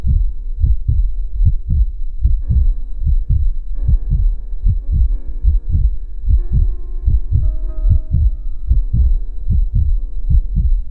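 Steady, deep heartbeat thumps at about 75 beats a minute, with a soft sustained hum behind them.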